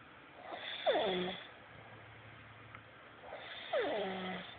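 Two whistling, falling-pitch snores about three seconds apart, with quiet breathing between them: snoring with a whistle.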